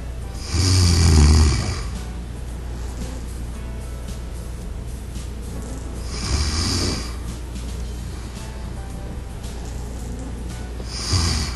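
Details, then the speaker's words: Three loud, rough, low snores about five seconds apart over steady background music, used as a demo of snoring that a smart anti-snore pillow detects. "if four more snoring sounds are detected the pillow goes through the shifting operation again the entire process is repeated until no more snoring sound is detected"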